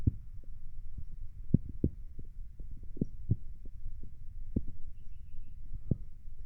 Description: As requested, here is me laying down with stomach noises.